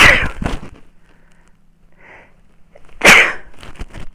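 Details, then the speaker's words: Adult recorded with a microphone on the throat: two sudden, loud, explosive sneezes that came on unexpectedly, separated by a quiet pause with faint room sounds. "Well, excuse me, I don't know where that came from. 1 minute I was fine, the next minute the sneeze."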